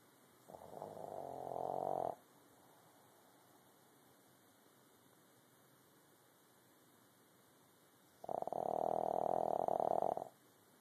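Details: Two drawn-out, buzzing, fluttering snores about six seconds apart with silence between; ordinary snoring in a sleeping pet.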